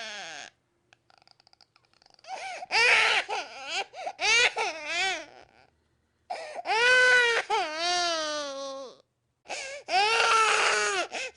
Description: Either way, this ones for you looking to hear the sound of a crying baby